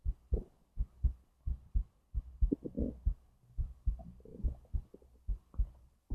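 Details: Recording across the whole digestive process from stomach to intestines: regular low heartbeat thumps with soft gurgles and rumbles between them; normal bowel sounds with heartbeat.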